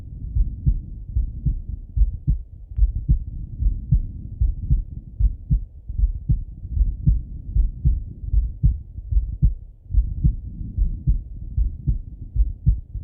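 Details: Male heart auscultated with a stethoscope, recorded partly sitting at a desk and partly lying in bed: steady lub-dub heartbeat at about 75 beats a minute; normal heart sounds.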